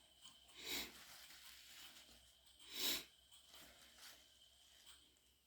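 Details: Adult with a runny nose after a new nasal spray that burned and itched; thought to be a cold but diagnosed as an ear infection. Two strong, wet, hissing sniffs and fainter ones after an induced, stifled sneezing fit.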